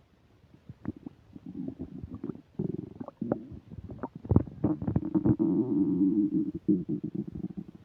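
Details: Upset digestion while eating a burger and fish fries, recorded with a microphone: loud, frequent gurgling and rumbling with bubbly bursts and drawn-out growls; active bowel sounds (borborygmi) during eating.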